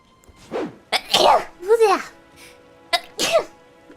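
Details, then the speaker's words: Female streamer, live during a gaming stream, gives a few quick high-pitched sneezes with squeaky voiced tails and brief catches of breath, then says it was unsatisfying and she should have let that one rip; sneezing. "oh oh that was so unsatisfying i have to do like oh i can't yeah i should have let that one rip you i hate that feeling"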